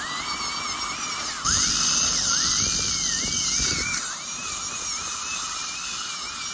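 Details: Real patient, dental bridge preparation after extraction of right upper second premolar and right lower first molar with drifting of adjacent teeth: high-pitched whining high-speed dental drill, pitch rising and falling as it cuts, with suction and room noise; crown preparation for porcelain-fused-to-metal bridge.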